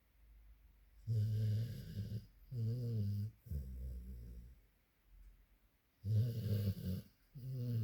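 Low, rumbling snores with each breath, about four in eight seconds, separated by quiet pauses: snoring in a sleeping dog.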